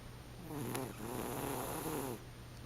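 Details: Wanda snoring in sleep: a soft, rough, rumbling breath with a steady low hum, sounding like an animal snoring; snoring.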